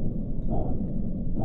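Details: Continuous low-pitched whooshing rumble heard by stethoscope over a dialysis AV fistula, starting at the anastomosis site: the expected bruit of an open access.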